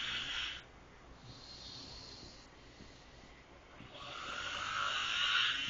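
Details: Loud snoring that woke the recorder from sleep: harsh, hissing snoring breaths rising and falling in loudness, heard through a poor, muffled recording.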